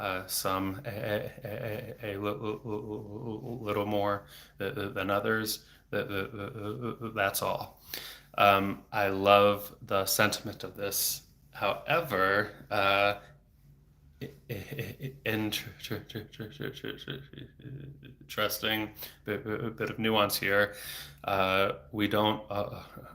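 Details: Adult man who has stuttered since age eight, about 26 years, with speech therapy off and on until his early 20s; no fluency strategies used here; frequent repetitions and blocks felt as throat tension; stuttering.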